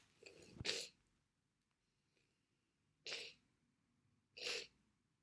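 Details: Sneezing during a bad cold with congestion and sniffling: a sniff, then three sharp hissing sneeze bursts in quick succession.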